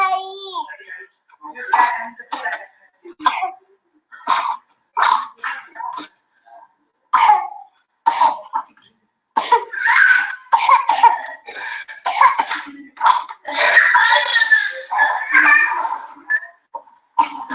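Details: Child in respiratory distress, with bronchial asthma, reduced feeding, sleepless night, dullness and agitation, coughs repeatedly in short, harsh bursts with brief pauses, some run together: persistent cough in an asthmatic child.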